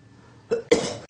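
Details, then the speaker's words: An adult man who says he is sick gives a short cough and then a stronger, longer cough burst, with no wheeze or whoop: an ordinary cough. "And yes, I am sick, that's why I sound like Lindsay Lohan, Miley Cyrus, both choking on but I'm going to try to get through this without coughing up a storm."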